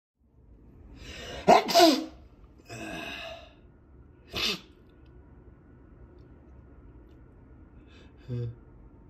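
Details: Stifled sneezing into a handkerchief by an adult with a stuffed-up head cold, the third cold in four months: two muffled, suppressed sneezes in quick succession, then a sniffle and a soft sneeze-like burst.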